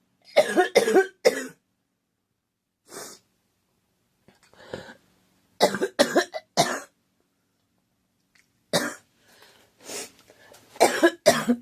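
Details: Several bouts of short, dry coughs, two or three at a time with quiet breaths between, from a young woman who thinks she is getting a cold and says her throat is scratchy and sore; cough.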